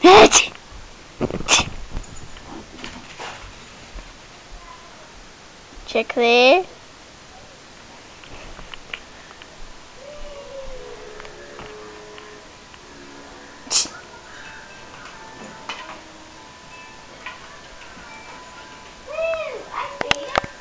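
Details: Dog reacting to a sneeze: brief sharp sneeze-like bursts, followed by the dog's whining, yelping vocal responses in a quiet room.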